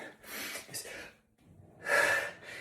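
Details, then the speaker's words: Sneeze during an adult's recurring sneezing fit: a sharp indrawn breath, a pause, then a loud explosive burst of air through the nose and mouth. "God damn it. Oh, I sneezed. I'm not going to pee. I sneezed. I'm not going to pee."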